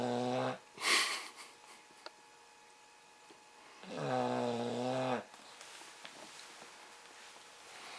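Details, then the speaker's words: 8-month-old English Bulldog dog sleeping, loud buzzing, droning snores with snort-like breaths between them; typical noisy snoring of a flat-faced dog. "oh my God Archie the bulldog snoring"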